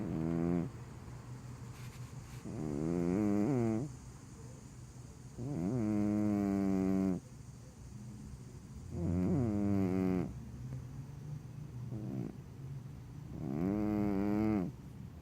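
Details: Tucked in and snoring: loud, rough, voiced snores on each breath in, about 5 in 15 seconds, with quieter breaths out between them.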